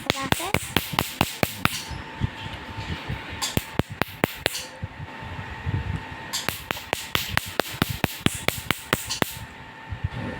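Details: Sharp snapping clicks, about two a second, in bursts with pauses over room noise and faint talk: laser machine pulses removing small moles/freckles across a man's cheeks, nose and forehead.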